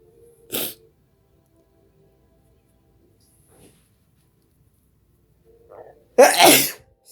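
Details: Two sneezes several seconds apart, the second loud and forceful, deliberately induced with chili powder nine years after adrenal cancer surgery; ordinary sneezing with faint background music.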